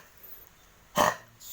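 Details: Single short, harsh cough burst from a dog in a quiet room; the owner is seeking home remedies.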